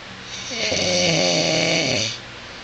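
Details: Husband snoring while asleep at 2:24 a.m., recorded by his wife; he denies snoring loudly: one loud, rough, buzzing inhaled snore with a hissing edge, about 1.5 seconds long; snoring.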